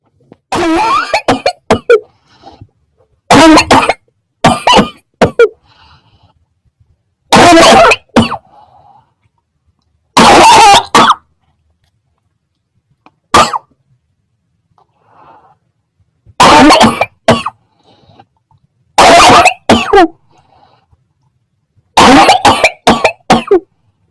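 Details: Repeated loud, harsh coughs in short clusters, about eight bouts over twenty-four seconds with quiet gaps between; cough.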